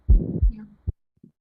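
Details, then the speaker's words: Ventricular septal defect murmur, quiz auscultation clip: a loud, harsh rumbling murmur filling the gap between heart sounds, followed by softer beats. "VST the answer the diagnosis is a VST"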